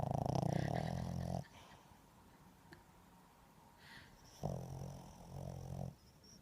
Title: Snoring doggie